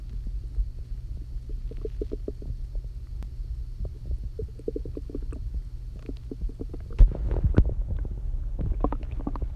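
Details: Hungry stomach growling after not eating all day: low bubbling gurgles in quick irregular runs, then a louder rumble; normal borborygmi.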